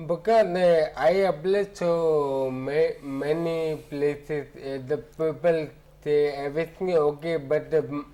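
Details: Adult man with ataxia since about 2007, symptoms starting about a year after his marriage: ataxic dysarthria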